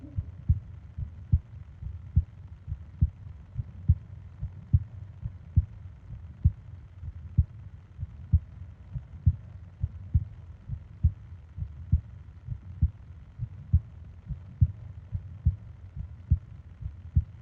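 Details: Sleep ASMR heartbeat and breathing recording: steady, soft low thumps at about 70 a minute over a faint steady hum; regular normal heartbeat.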